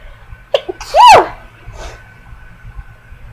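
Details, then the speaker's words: A person talking to camera announces they are about to sneeze: a couple of quick catching breaths, then one loud, forceful, voiced sneeze and a soft breath afterward in a quiet room. "that's good awesome great video sneezing coughing sniffling anyway"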